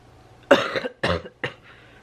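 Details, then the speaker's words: Three harsh coughs in quick succession from a man sick in bed with an acute illness, who reports he can't breathe well and plans to see a doctor. "Guys, I'm probably gonna have to end it here. I just really can't right now. I'm so sick."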